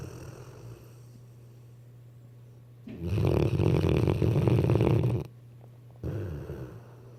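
A deep, rumbling snore lasting about two seconds, then a shorter one, over a steady low hum. Snoring.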